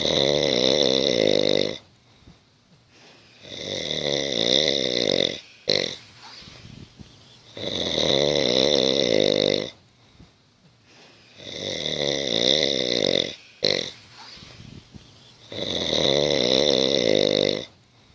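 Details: A dog snoring like a person: loud, regular, rattling snores, about 13 a minute, each followed by a short snort on the out-breath.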